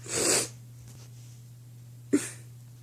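One strong hissing sneeze burst, then a brief small exhale; steady low hum in the room.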